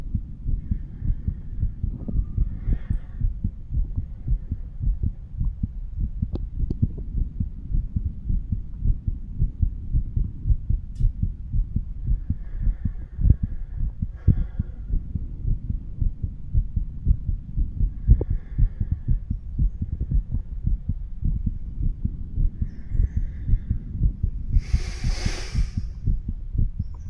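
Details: Stethoscope chest auscultation of a 35-year-old male moved across the mitral, tricuspid, pulmonary and aortic valve areas: steady low heart thumps; normal heart sounds.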